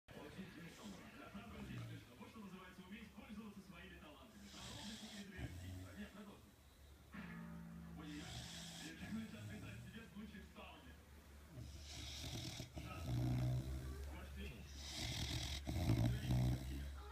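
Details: Cane Corso dog snoring with rough, rhythmic breathing noises while a television or music plays in the background.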